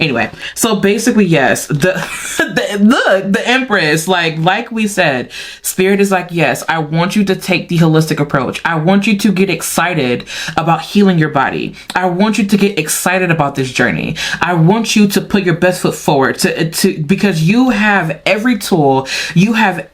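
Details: Adult woman who says she stutters at times, attributing it to her mind moving faster than her mouth; word repetitions heard; stuttering.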